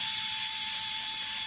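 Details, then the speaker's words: Continuous high-pitched whirring hiss of a surgical burr drilling bone in the ear's attic to create the seat for an implantable hearing prosthesis, entering the ear cavities. "Pour créer l'orifice qui recevra la prothèse, le chirurgien creuse l'os à l'aide d'une fraise. On commence à rentrer dans les cavités de l'oreille."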